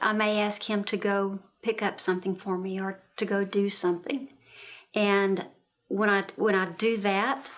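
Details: Adult woman speaking; normal fluent speech.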